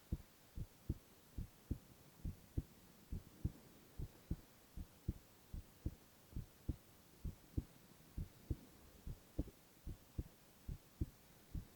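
Crisp, regular lub-dub heartbeat at about 70 beats a minute with a quiet background; normal heart sounds.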